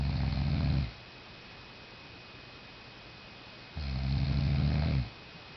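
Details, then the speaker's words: A sleeper, out cold and deeply asleep, snoring loudly: two long, low, rattling inspiratory snores separated by a quiet pause of about three seconds. "That was snoring."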